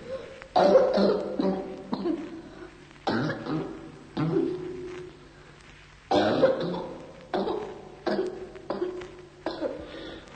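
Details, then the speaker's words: Whooping cough (pertussis), teaching recording: deep inspiration followed by a series of separate coughs without intermediate breaths, strained intakes between attacks, fits recurring at short intervals. "Inconfondibile, anche in lontananza, è la pertosse. Ad una profonda ispirazione segue una serie di colpi di tosse staccati, senza ispirazioni intermedie."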